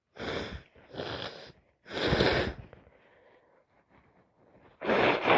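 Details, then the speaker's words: Person sneezing repeatedly, unsure whether from a cold or allergies, with itchy, streaming, irritated eyes: three forceful, wet sneezes in quick succession, quiet sniffing, then another loud sneeze. "My god, that went everywhere. That's me again. So wet. Could be stuck up a cold."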